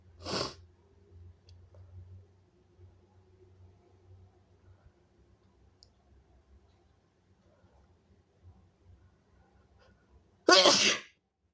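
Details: Two sharp, forceful sneezes, one at the start and a louder one at the end, with quiet room noise between; the person then says "excuse me," calling it so big. Strong sneezes.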